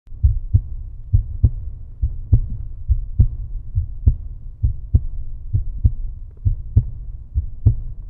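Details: Steady, low, paired heartbeat thumps at about 67 beats a minute; a heartbeat sound effect.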